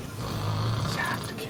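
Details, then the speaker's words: Adult man, a dentist, obese, with severe snoring and suspected sleep apnea undergoing polysomnography; his snoring heard while asleep: snoring. "그리고 배도라지 MT를 갔을 때 저 뒤에서 누워서 자던 저의 코 고는 소리가 탱크 소리처럼 들렸다."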